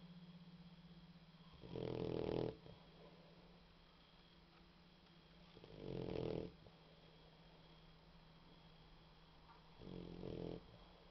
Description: Ara is snoring. Not too much, not too loud... Just snoring like a respectable bvoxer dog she is...